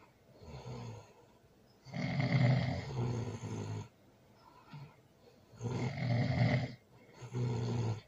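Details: Loud snoring during sleep, recorded with a baby present: rough, low snores on breathing in, three in about eight seconds, with quieter breathing between.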